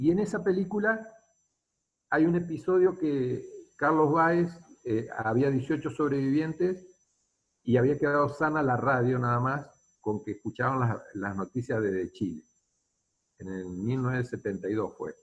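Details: Adult man speaking Spanish; Normal speech.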